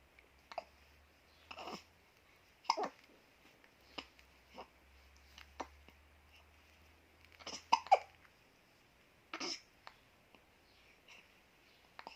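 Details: Short, sharp catching hiccup sounds repeating every second or two in a quiet room from an infant; normal baby hiccups.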